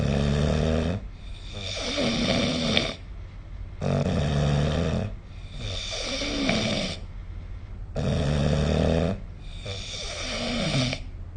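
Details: Sleep snoring sounds recorded with the SnoreLab snore-recording app.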